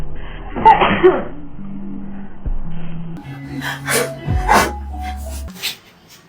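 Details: A sharp sneeze burst, then further short sneezy bursts, over background music; sneezing set off by a nasal swab for a COVID-19 test.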